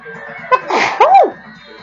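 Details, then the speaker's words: Person who is sick and congested deliberately triggers sneezes by putting something up the nose. One sneeze: a short in-breath, then a sharp explosive burst with a voiced trailing sound; sneezing. "I literally just sneezed five times within a period of like four four or five seconds"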